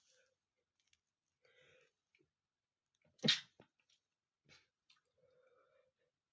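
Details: Male sneezing, first triggered by tickling the nose with a piece of paper: one loud, sharp sneeze burst against quiet rustling and faint sniffing.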